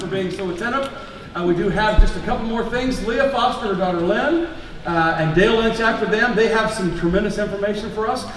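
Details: Adult speaker addressing an audience; Normal voice.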